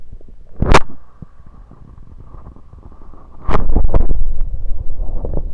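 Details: Stethoscope moved around the belly: loud thumps and scraping contact noise from stethoscope movement with faint gurgling between; bowel sounds, stomach rumbling.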